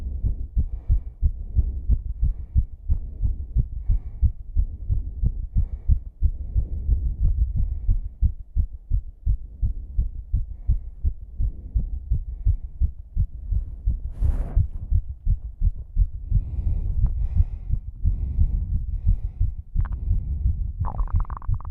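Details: A struggling female's fast, strong heartbeat during exercise, thumping rapidly with heavy breathing over it.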